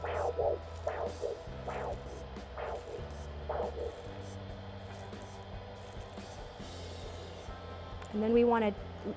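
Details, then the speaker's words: Ankle brachial index: handheld Doppler over brachial artery as BP cuff deflates; rhythmic whooshing pulses over steady hum return around 100 mmHg, giving the brachial pressure (ABI denominator). "gently deflate the blood pressure Puff until we can hear the signal and you notice we notice the signal around 100 the return of the signal is the brachial measure or the denominator for the ankle brachial index"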